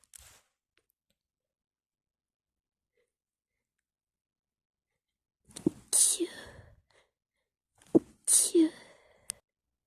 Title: acho sneezes #sneeze #cute